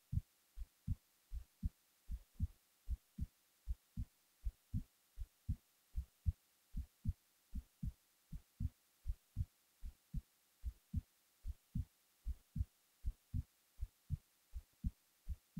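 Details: Resting heartbeat recorded while the person was falling asleep: steady, soft, low, even thumps at about 77 beats a minute; normal heart sounds.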